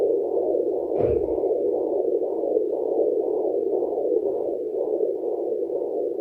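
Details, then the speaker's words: Fetal heartbeat at 34 weeks of pregnancy, checked with a home fetal Doppler using body lotion instead of gel, after the mother ate a large meal. "Today I am just going to use this to check baby heartbeat again. We are 34 weeks today and more few weeks to go."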